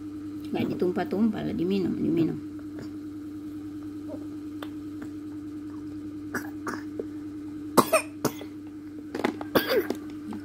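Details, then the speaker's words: Toddler with cough and cold, sunbathing to recover: child's voice, then several short, sharp coughs in a small room. "jemur lagi aku biar cepat sehat y batu Dia batu-batuk Dia mama ini sehat ya"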